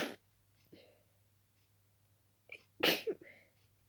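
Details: Two sneezes with sharp noisy bursts, the second preceded by a quick inbreath, in a quiet room at night from a sleepy person with an itchy nose; they suspect dusting the room caused it.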